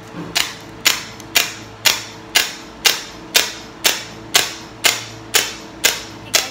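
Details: First underarm laser hair removal session: regular, sharp, snapping clicks, about 120 a minute, as the laser device fires pulses; the patient felt a tolerable stinging, like a rubber-band flick.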